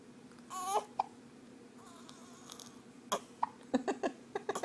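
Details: 10-day-old newborn boy holding his head up while hiccuping: short, sharp catching sounds, some with a brief squeak, over steady room noise.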